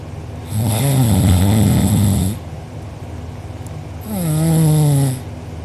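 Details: A person recorded asleep with mouth open and drooling, who later had a sore uvula and soft palate: two loud, rough, low snores on successive breaths, the second more tonal and buzzing. Heavy snoring.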